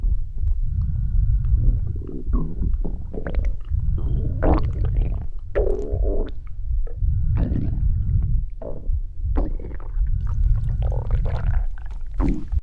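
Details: Midnight stomach growl: low, rolling, gurgling rumbles rising and falling irregularly for several seconds, normal gut sounds (borborygmi).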